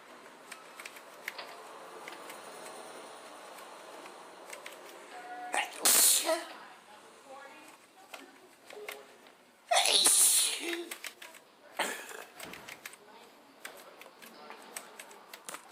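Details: Sneezing fit, the first in a long time: two hissy, forceful sneezes with faint room noise between them.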